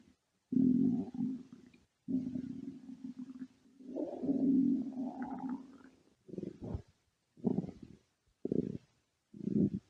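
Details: Stomach growling: long low gurgling rumbles, then several short gurgles, from gas and fluid moving through the gut.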